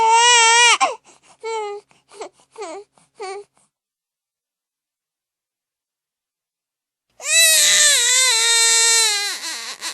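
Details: Infant crying: a loud wail, short whimpering sobs, a pause, then another strong sustained cry, from a sound-effect recording.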